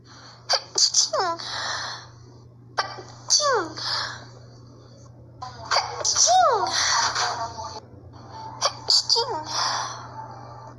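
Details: Four sharp sneezes in a row, each with a quick indrawn breath and explosive burst over a low hum; the person says they hadn't sneezed in a long time.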